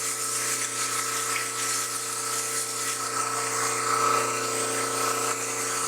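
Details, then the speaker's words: Dental model trimmer: steady motor whine with hissing, grinding water wash, flattening the base of a wetted stone dental model. "okay so we're going to be trimming the model so the first thing we do is we must wet the model"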